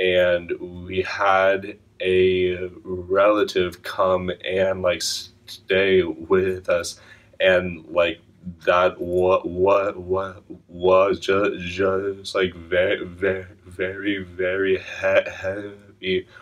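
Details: Stuttering in a client of a stuttering therapy program, speaking after therapy; stuttering.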